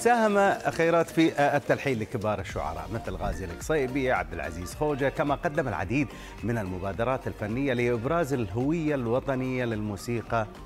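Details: Adult male speaker; Normal speech.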